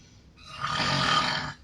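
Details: Coworker snoring offshore, keeping a man awake: a single loud, rough, rattling inward snore lasting about a second, over quiet room noise; snoring.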